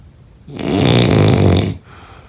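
A single low, rattling snore on one breath in, lasting just over a second, against a quiet room; ordinary snoring.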